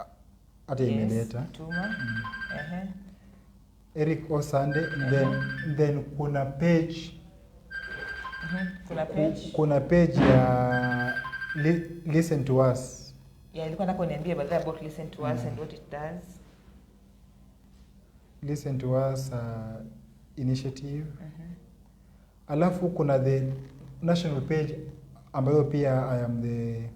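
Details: Adult man with stuttering (stammering), severe in primary school, who says he has worked to improve his speech impairment.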